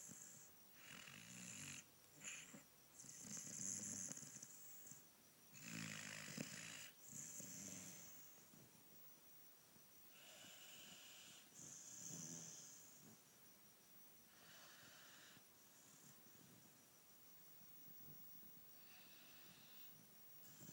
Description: My dog ruby snoring again